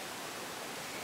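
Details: Child in respiratory distress on oxygen, tired, with sternal recession and tracheal tug: loud, harsh, high-pitched breath sound: stridor.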